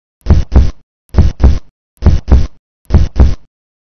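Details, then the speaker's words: Simulated lung percussion over the chest: four pairs of hollow, low, drum-like taps giving a resonant note, the normal sound over air-filled lung, heard until the diaphragm is reached; dullness would suggest a mass or consolidation. "Resonant sounds will be heard during percussion over the lungs till you reach the diaphragm."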